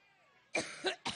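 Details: Two dry coughs close together in a quiet moment, from a woman's coughing attack during a Cleveland speech, which she jokingly blamed on being allergic.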